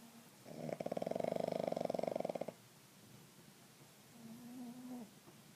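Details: Napping pugs snoring: a loud, rattling, fluttering snore of about two seconds, then a softer whistling breath.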